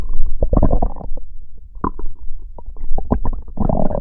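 Low gurgling and bubbling rumbles in irregular bursts over four seconds, typical stomach growling from gas and fluid moving through the gut.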